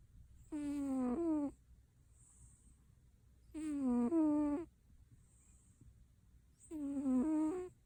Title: Cat Snoring Super Cute